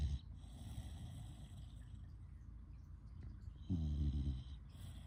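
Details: Deep, rumbling snores at the start and again near the end, with quieter breathing between; snoring during sleep.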